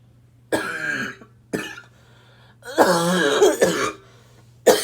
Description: This barking cough is super annoying. I wish I could smoke in peace, but this cough comes to choke me.